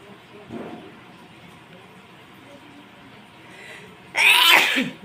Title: More induced sneezing.